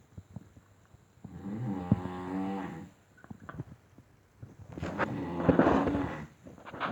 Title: My Big and little bear snoring